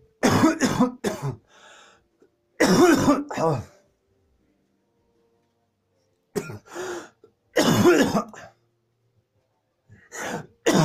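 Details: Clusters of harsh, rapid cough bursts, about a dozen in ten seconds, separated by brief pauses: a coughing fit.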